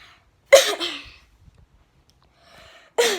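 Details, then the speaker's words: Two loud, harsh cough bursts with a quiet pause between, in a small room, from a student recording at the doctor's while off school for most of the day. "enjoy and listen in to the deafening sound of my cough what a madness banging off like this"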